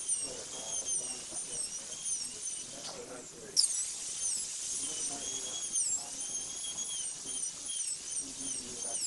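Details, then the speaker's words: Continuous high-pitched whine dipping and rising as a diamond bur smooths the preparation edges of a maxillary incisor prepared for a PFM crown; high-speed dental drill. "using the diamond bur smooth and sharpen the edges of the preparation clean up any discoloration or burn marks left by the Fisher and football-shaped burs but be careful not to over prepare the tooth"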